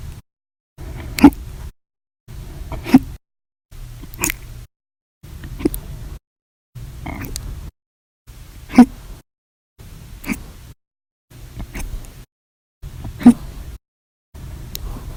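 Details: Violent, loud hiccups in a series recorded 7/26/19–7/31/19, each episode lasting hours after meals and soda: sharp, abrupt gulps about every 1.5 seconds, varying loudness, over steady background hiss.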